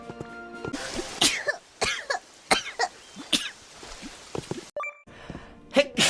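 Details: VTuber coughing during a livestream: several short, sharp coughs and throat clearing mixed with laughter and brief speech, with music playing in the background.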